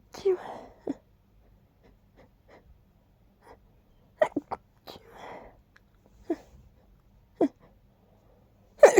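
Breathy inhaled build-ups followed by several short explosive bursts: repeated sneezes.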